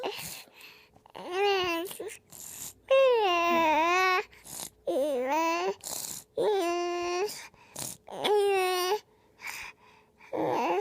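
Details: Young child sick with adenovirus croup: harsh, short barking cough bursts alternating with high-pitched, strained crying.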